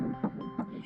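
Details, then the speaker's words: Early-pregnancy ultrasound at the embryonic stage: rapid whooshing pulses generated by the machine from tissue velocity, not a true lub-dub heartbeat; Doppler sound of early embryonic cardiac activity. "If you get an ultrasound at this stage, you may think what you hear is a heartbeat. But that's no lub-dub of a functioning heart, it's actually a sound that's artificially manufactured by the ultrasound machine."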